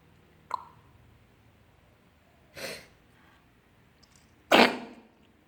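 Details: Cat coughing strikingly like a human: a brief sharp sound, then two harsh, breathy, dry cough bursts, the last loudest.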